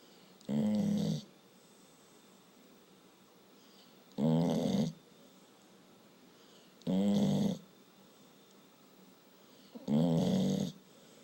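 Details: Tired dog snoring in sleep: four short rumbling snores at uneven gaps, about 20 per minute, in a quiet room.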